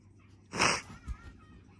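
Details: Single short, sharp sneeze from a baby, followed by a soft breath; the baby is startled by its own sneeze.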